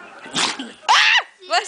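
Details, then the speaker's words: A single big, forceful sneeze after a short intake, let out while licking someone; sneezing. "you that was a big sneeze baby"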